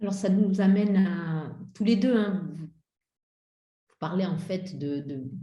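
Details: Adult speaker; Normal speech.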